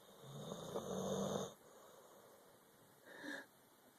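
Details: Snoring during sleep.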